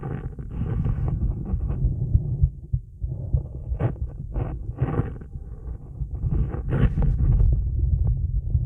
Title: Short Video of female heartbeat with stomach growling and plank with fast heartbeats